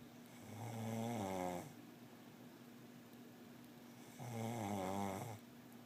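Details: Person snoring: two loud, rattling, vibrating snores on the in-breath, seconds apart, over steady room hum; ordinary snoring.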